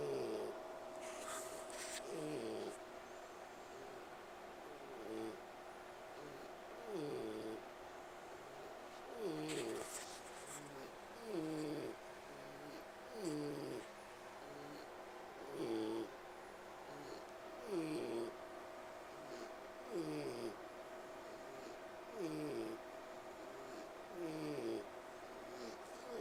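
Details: Pet pig wheezing while resting and trying to sleep: regular, whistly, falling wheezy breaths about 26 times a minute.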